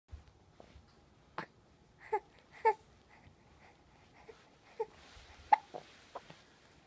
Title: Hiccups on hiccups on hiccups